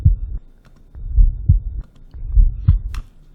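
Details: Steady, muffled, regular lub-dub heartbeats of a person, about 50 beats a minute, recorded for a musical heartbeat recording: normal heart sounds.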